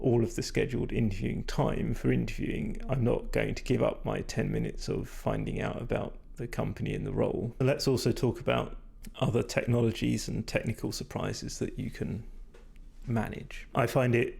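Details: Vocal fatigue in a male speaker, which he attributes to talking a lot without drinking enough; he says his voice is degraded, stressed and not at its peak condition.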